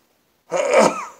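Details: One sneeze from a long sneezing fit: a single brief, forceful sneeze with a voiced rasp after silence. The person says there are dozens of sneezes and that their throat is sore.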